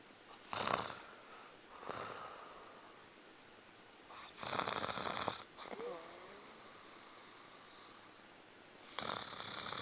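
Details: Pet named Molly snoring while asleep: repeated rough, fluttering breath sounds at a slow sleeping rhythm with a faint whistle between.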